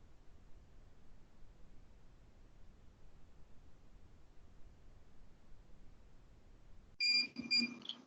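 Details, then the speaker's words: Demonstration class IV anterior cavity restoration, light-curing the adhesive for 20 seconds (manufacturer recommends 20–40) with the curing light held close and perpendicular to the tooth face: quiet room hiss, then a few short high-pitched beeps as the curing cycle starts. "Respeitando o tempo de polimerização, o fabricante recomenda que você aplique de 20 a 40 segundos. Vou fazer 20 segundos aqui para esse adesivo. Fotopolimerizador bem posicionado e próximo da face."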